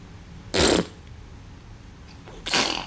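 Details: Baby girl sneezing during a call with her father while her mother records: two short, sharp, explosive sneezes about two seconds apart in a quiet room.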